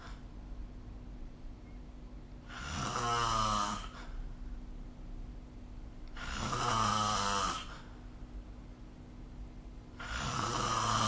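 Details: Snoring recorded with the SnoreLab app during sleep: loud rattling snores on each in-breath, about 16 a minute, with quiet out-breaths between.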